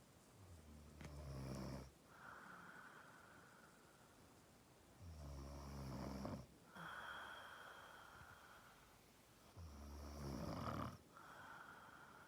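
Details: Snoring: low, rattling snores on each in-breath at about 13 breaths a minute, with a softer whistling out-breath and room noise behind.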